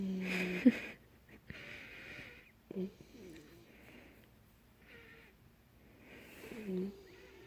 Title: Golden retriever puppy snoring